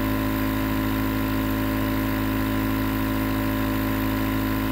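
Steady, loud droning motor hum with a fast buzzing rhythm from a running nebulizer compressor, no breathing heard.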